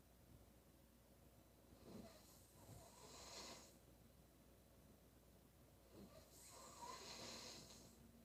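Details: Female snoring during sleep: quiet, hissy breathing with two soft snoring breaths over a steady background hum.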